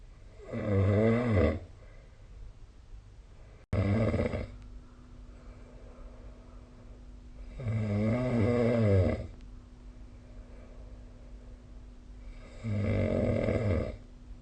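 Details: Snoring during sleep recorded with the SnoreLab smartphone app: loud, rattling snores on each breath, about 13 a minute, separated by quiet gaps.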